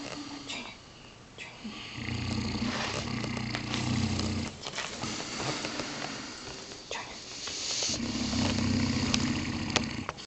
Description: rottweiler and english mastiff sleeping in the office and snoring :)